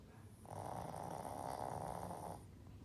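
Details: 7-year-old shih tzu, sleeping: a single drawn-out, raspy snore lasting about two seconds from the loudest snorer in the house; snoring.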